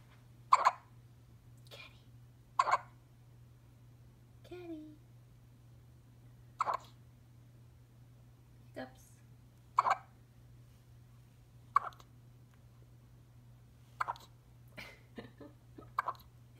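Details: 1-week-old newborn hiccuping: short, sharp hic sounds repeat irregularly, about nine in sixteen seconds, over a low steady hum; infant hiccups.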